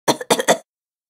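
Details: Simulated cough from a sound effect recording: three quick, sharp coughs in rapid succession from an adult woman, then silence.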